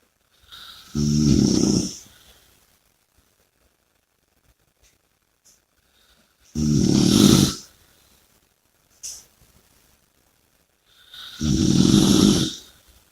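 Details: Snoring: three loud, rattling snores on the in-breath, about five seconds apart, with quiet breathing between them.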